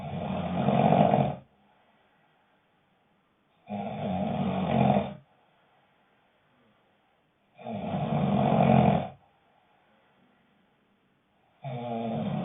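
Loud, rough snores about every four seconds, roughly 15 a minute, with quiet pauses between them; ordinary snoring.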